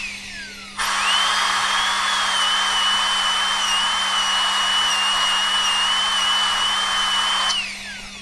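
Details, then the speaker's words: Steady high-pitched whine of a high-speed dental drill for about seven seconds, straight fissure bur cutting a class 1 mesial cavity on maxillary premolar tooth 14: dental handpiece drilling. "I am using a straight fissure burr, so my cavity is becoming little wider, but then wh"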